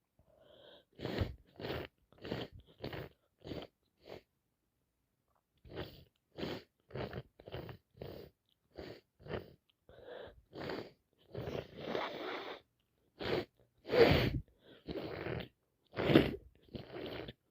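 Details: Day 3 of a wet common cold caught from a cousin: many short, wet, explosive sneezes in rapid runs with brief pauses; repeated, uncontrollable sneezing.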